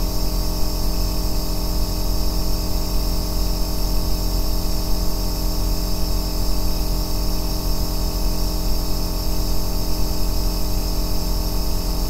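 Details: Aerosol nebulizer running continuously, recorded as an ASMR white-noise track for sleep and relaxation: a steady deep droning compressor hum with a soft hiss, unchanging throughout.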